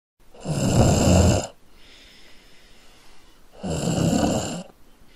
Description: What do I do? My wife is snoring and I can't sleep!